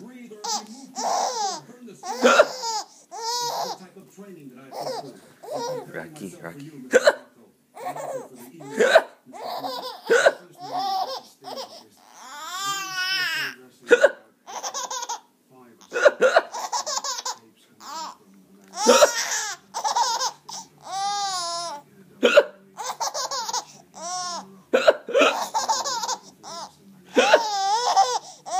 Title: Caroline likes daddy's hiccups